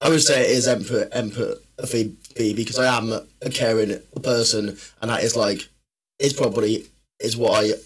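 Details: Man, a personal trainer and former army medic, with a stammer since childhood that worsens when he is tired, stressed or nervous; stuttering.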